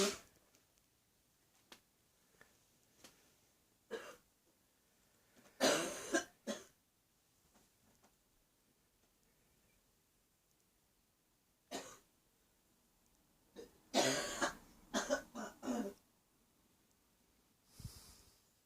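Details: An adult woman with a viral cough, recorded in the bathroom in the morning: repeated coughing bouts with harsh bursts and throat clearing; cough.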